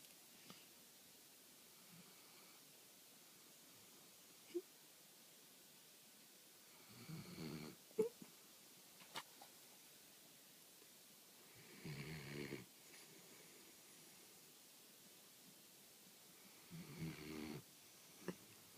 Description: Bruno snores minutes after falling asleep!